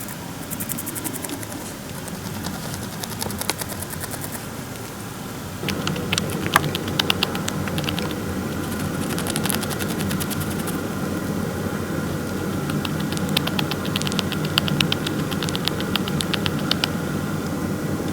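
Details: A male Syrian (golden) hamster that often grinds his teeth gives bursts of fine, rapid clicking and grating over low room rumble: bruxism, often linked to vigilance or intimidation.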